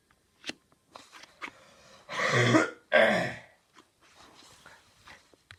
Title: Black screen with couple More cough | Bernauer Straße